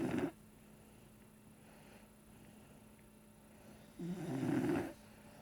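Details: Sleeping pet snoring: two rough snoring breaths about four seconds apart with quiet between; ordinary snoring.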